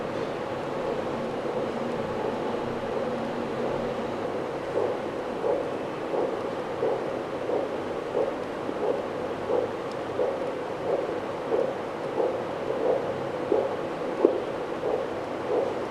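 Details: Choicemmed MD800 fetal Doppler in a sensitivity test: a steady hiss, then regular rhythmic whooshing pulses of a fetal heartbeat picked up by the probe.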